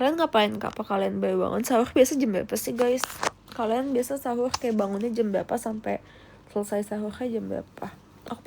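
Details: Rhotacism (Indonesian "cadel") in an adult female. She cannot produce word-initial R, which comes out like W, and can only force word-final R, which still sounds off.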